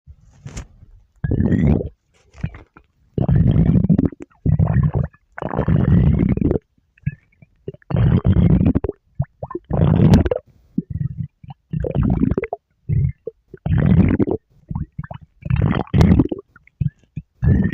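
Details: Akari's stomach growl: loud, long gurgling and rumbling bursts coming and going irregularly; ordinary borborygmi from gas and fluid moving through the gut.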